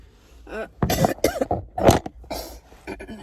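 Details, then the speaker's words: Adult with an ongoing cough from a current illness, after a hard night: several harsh, rough coughs in a quick run with some throat clearing, in a small room. "I slept in. I was tired cuz I had this cough."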